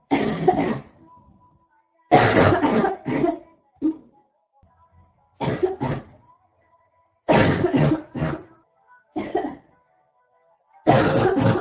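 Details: Female with a constant cough; repeated bursts of harsh barking coughs in clusters of two to four with short pauses, faint background tone: barking cough.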